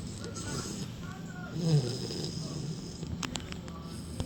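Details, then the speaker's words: Sleeping puppy snoring: a low rumbling snore with a snort in the middle, over some room noise and a few clicks. "Hey, stop snoring. Hey, stop snoring."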